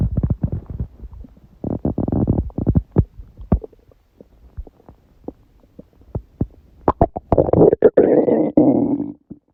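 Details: Stomach growling recorded at 1:30 am, about six hours after a large udon meal; the person suspects a reaction to eating gluten after a long break; borborygmi.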